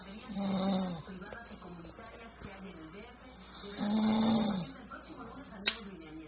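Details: Snoring: two low, rattling snores about three seconds apart, with quiet breathing between them and a brief click near the end; ordinary snoring.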